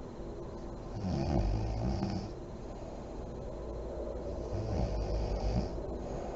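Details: Adult woman (mom) snoring in deep REM sleep with lights on, with deep breathing and lip blowing: two low, rattling snores on the in-breath with a quieter breath between, in a quiet room.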